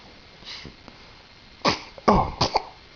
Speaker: boy, I sneezed. Good boy. Hi.